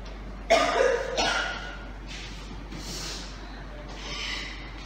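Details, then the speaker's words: Two harsh cough bursts followed by noisy breaths in a simulated asthma attack role-play for first-aid teaching, with shortness of breath, chest pain and wheezing described; acted coughing. "first day I ASA patient will have this common sign and symptom together which is shortness of breath difficulty in breathing chest pain coughing and also weezing sound"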